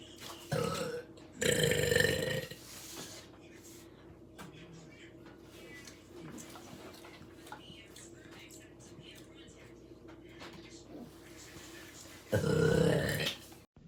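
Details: Two loud, long, throaty belches, one near the start and one at the end, with quiet room noise and faint sounds between; burping.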